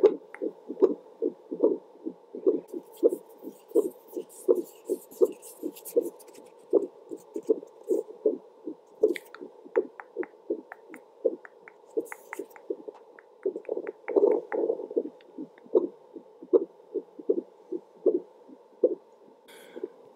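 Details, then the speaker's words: Own heartbeat picked up by a handheld Doppler placed on the chest, speaker facing up to limit mic static; steady whooshing pulses about 80 a minute, a normal adult heart rate. "once i place this little thing on my heart it goes ahead and captures the heartbeat rate"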